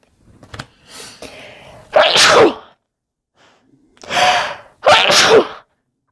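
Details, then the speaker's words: Adult sneezing after burning sage in the room earlier, self-described loud sneezer: two loud, explosive sneezes, each a sharp burst of air, preceded by softer breathy sounds. "i have to sneeze again excuse me i know i have really loud sneezes i can't help it"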